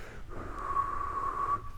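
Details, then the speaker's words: Paediatric asthma breath sounds: steady high-pitched whistling wheeze on a long breath from spasm of narrowed small airways, relieved by a blue inhaler. "lower airway problems caused by asthma so asthma being a spasm of small airways it causes a whistling as air passes through the small passages almost like forcing your lips to whistle"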